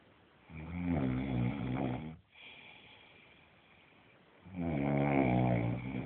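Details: Two loud, rumbling snores on breathing in from a child with special needs, each about one and a half seconds long, with a quiet breath out between them in a small room: snoring.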